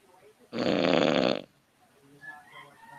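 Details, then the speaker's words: One loud, harsh, rattling snore lasting about a second from a man in heavy sleep, loud enough that others were surprised it didn't wake a roommate; faint room sounds follow. "I'm surprised this this snoring didn't wake Barry up with all that noise that's crazy"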